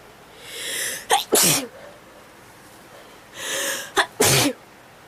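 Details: Sneezing attack: two forceful sneezes, each preceded by a sharp drawn-in breath and ending in a loud double burst.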